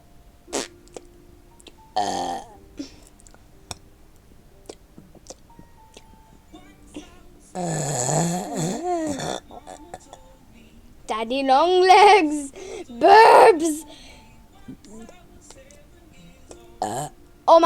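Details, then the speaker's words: Several loud, drawn-out voiced belches over music and quiet room noise; burping. "let me detain my burp hello I am doing my boyfriend did you hear did you like that box that I did copyright"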